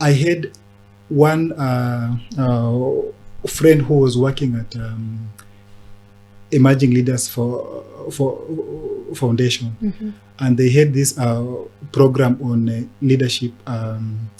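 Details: Adult man who stammers; stuttering.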